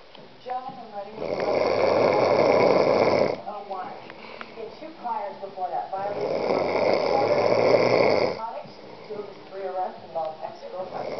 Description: my dad snoring in the middle of the day